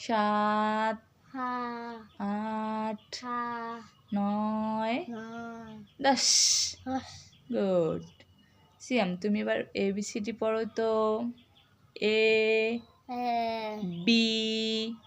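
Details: Young boy with a cochlear implant in speech therapy practice, who can now repeat words after his mother and write; speech of a child with a cochlear implant.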